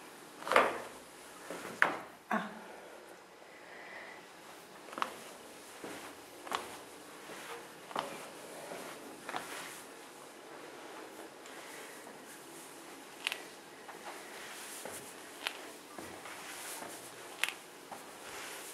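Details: Painful knee crepitus, with stairs painful and surgery planned: sharp, irregular pops and cracks with faint grinding as the knee moves.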